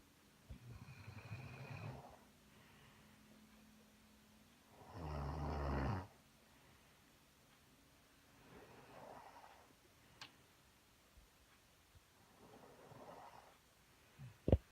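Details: Snoring from a Carolina Dog and her owner both asleep on a cold January night at 8:45 pm: low rumbling snores about every four seconds, one much louder, in a quiet room.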